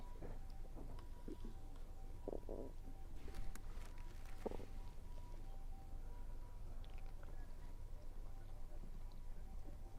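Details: Stomach rumbling while eating, which the person links to low atmospheric pressure: continuous low rumbling with gurgles and faint chewing noise; active bowel sounds (borborygmi) during eating.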